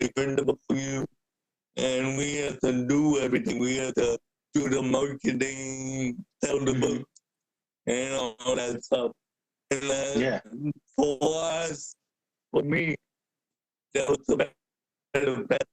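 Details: Adult man with cerebral palsy present since birth, a wheelchair user who describes mainly physical limitations; speaking is noted as hard for him. Dysarthria (cerebral palsy).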